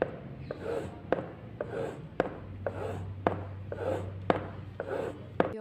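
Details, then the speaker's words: Mitral regurgitation demonstration: steady heartbeat near 56 a minute with a soft holosystolic blowing murmur, best heard with the diaphragm, differing from VSD in location and softness; mitral regurgitation murmur. "the last is the metal regurgitation which is a holosystolic murmur like ventricular septile defect it differs from vssd in location and sound because this is soft sound and best heard with diaphragm"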